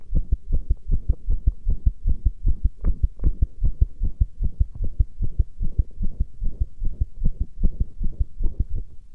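Fast, steady, deep thudding heartbeats, roughly 150 pulses a minute, muffled and booming.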